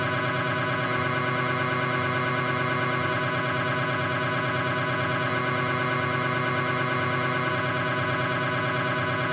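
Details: Steady loud electronic buzzing with rapid regular pulsing, about three pulses a second, from a Philips 1.5T MRI scanner running a proton density knee sequence; MRI scanner noise.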